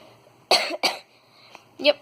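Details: A child in a quiet room: two quick, sharp dry coughs in a row, then a short vocal sound; cough.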